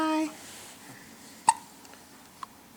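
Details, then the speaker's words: Newborn baby girl, awake in a quiet room after brunch, with a bad case of hiccups, which she also had often before birth: one sharp, abrupt hiccup with a brief voiced catch, then a fainter second one. "we are just relaxing and uh just got done having brunch and she is having a bad case of the hiccups which is not a sur"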